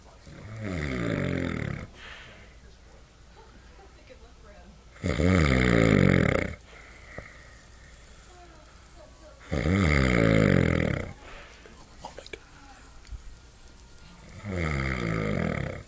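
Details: Father asleep, snoring very loudly: loud, rough snores about every four to five seconds, roughly 13 breaths a minute, with quiet exhalations between; heavy snoring.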